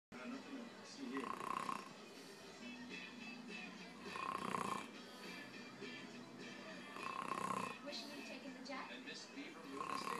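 Rhythmic snores about every three seconds, roughly 20 a minute, with music and TV sound in the background; ordinary snoring.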